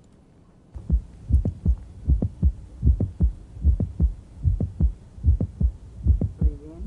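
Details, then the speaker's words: Cardiologist teaching heart sounds: regular heartbeat about 76 a minute with sharp extra systolic clicks moving earlier and multiplying during the strain phase of Valsalva, as reduced venous return shrinks the left ventricle; mitral valve prolapse clicks. "during the strained phase you diminish systemic venous return and eventually shrink left ventricular volume so if you're starting at a smaller volume the prolapse or the slip will occur more"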